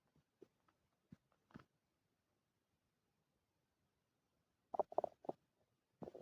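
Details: Scattered short gurgles and squelches, then a louder cluster of rumbling bursts. Empty-stomach growling (borborygmi) after 2 days without food, recorded on a phone in a quiet room.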